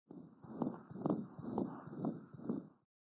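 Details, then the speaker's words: Newborn heart, rate about 125 per minute, with a continuous machine-like murmur from the closing patent ductus arteriosus, heard as whooshing through each beat; described as benign and expected to resolve within days in a full-term infant. "many newborns have a continuous machine like murmur caused by the closing of the patent ductus arteriosus"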